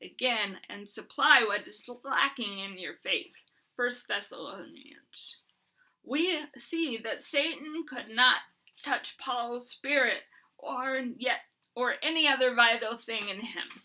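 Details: Hyperkinetic dysarthria in an adult woman with Huntington's disease, who uses a bed setup to prevent falls and is getting a service dog.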